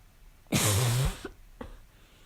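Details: One harsh, hoarse, barking cough about half a second long, then two small grunts, during a fall cold; a barking cough.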